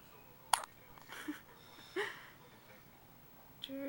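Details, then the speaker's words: A newborn's first hiccups after birth (had hiccups a couple of times a day in the womb): three sharp, soft clicking hiccups spaced about a second or more apart in a quiet room. "first hiccups. First hiccups outside of Mommy's belly. And the hiccups a couple times a day inside Mommy's belly."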